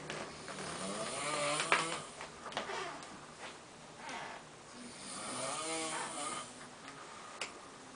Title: Snoring Bass Player